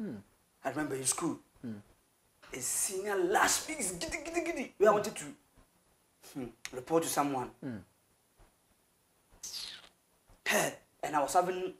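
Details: Adult man who has stammered since birth, with a family history of stammering (grandfather and relatives); describes it as severe, worse on words starting with K or T, and fluent when rapping; stuttering.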